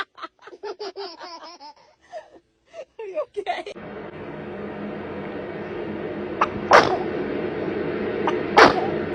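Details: Sneezing: a newborn baby with a run of soft, quick little bursts, then two sharp tiny sneezes over steady background noise.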